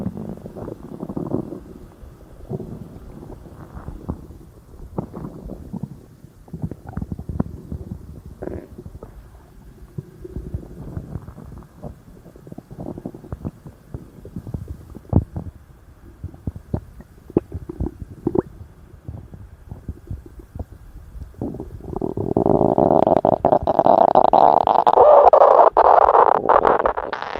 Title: stomach growling super loud and crazily